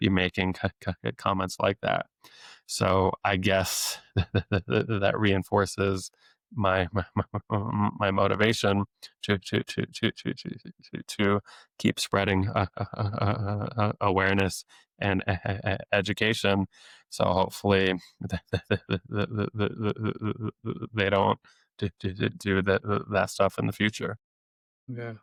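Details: Adult man who has stuttered since age eight, with years of speech therapy, now a speech-language pathologist deliberately letting his stutter show; repetitions of sounds, words and phrases; stuttering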